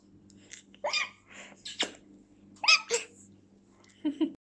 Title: Baby laughs at hiccups!